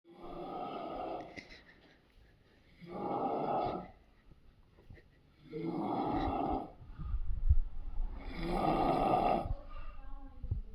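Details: Sleeping dog, tagged labrador, snoring loudly: harsh snores on each breath, four in about eleven seconds, roughly 22 breaths a minute; dog snoring.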